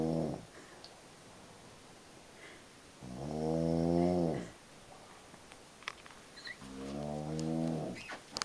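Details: Sleeping deeply ("out cold"), snoring: deep, droning snores on the in-breath, about one every three to four seconds, in a quiet room with small background clicks.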